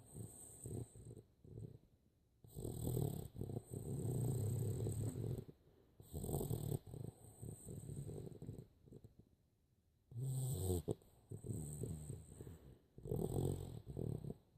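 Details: A sleeping dog snoring: low, rumbling snores repeating in steady cycles with quiet pauses between breaths; ordinary dog snoring.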